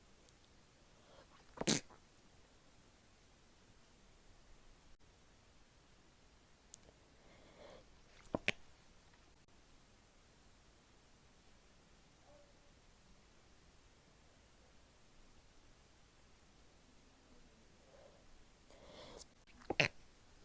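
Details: Female, stifled sneezes: three short, sharp, muffled bursts in a quiet room, each preceded by a faint intake of breath.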